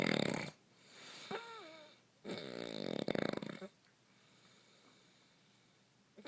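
Rattling, fluttering snores with a whistling whine partway through, two breaths over about six seconds. Snoring.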